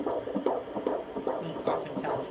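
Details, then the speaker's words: Fetal heartbeat at 154 on handheld Doppler at a 17-week midwife visit in an IVF (ICSI) pregnancy; rhythmic sounds described as heart valves opening and closing. "you can actually hear that's the heart valve's opening and closing the heart"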